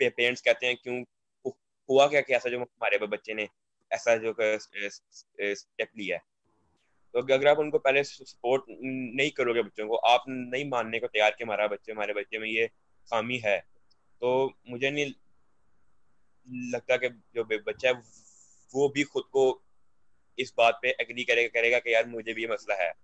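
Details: Young man who stammers, speaking on a stammering awareness panel, with repeated words; stuttering.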